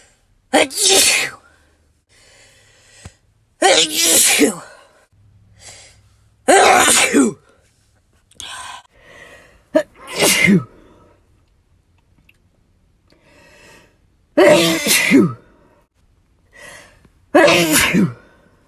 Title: 100+ Sneezes Compilation